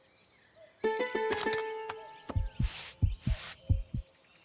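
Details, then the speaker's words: Cartoon heartbeat sound effect for an animated kangaroo-giraffe patient after a head injury: paired low thumps at about 90 a minute following a short ukulele phrase, described as a fast heartbeat. "दिल की धड़कन तेज है यह अच्छी बात है"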